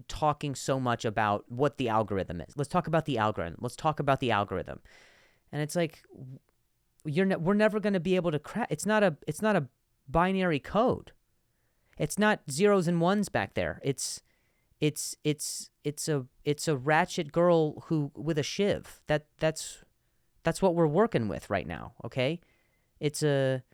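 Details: Adult man who stutters, with repetitions of words and syllables, and says some words are harder to say on some days; stuttering.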